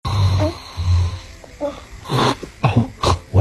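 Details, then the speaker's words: Adult man (dad) snoring: loud, deep rattling snores, then a startled infant's whimpers and cries. "happened? Was I snoring again? Mhm. My bad."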